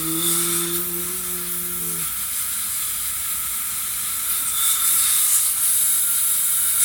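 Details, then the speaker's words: Dental sealant demonstration on a simulated patient with set teeth: brief hum, then continuous hissing spray of an air-water syringe held over the tooth, with high volume evacuator suction, rinsing off phosphoric acid etchant. "I get my high volume evacuator and I get my air water syringe. I'm gonna put it right over the tooth first."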